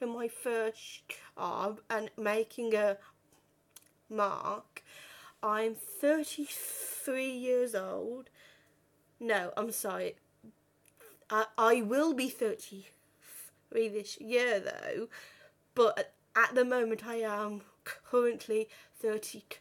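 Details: 32-year-old woman who has stuttered since about age five or six, worst on the phone, had speech therapy and breathing techniques at 15; stuttering.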